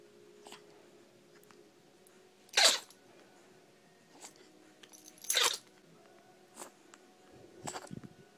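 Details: Chihuahua (female) in a prolonged sneezing fit lasting about 5 minutes: three sharp, explosive sneezes a few seconds apart, with softer sniffs and snorts between them.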